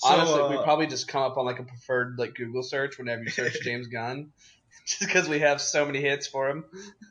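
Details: Adult male speaker; ordinary speech.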